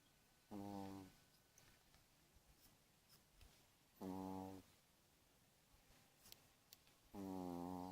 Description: Pomeranian is sleeping and snoring during manicure.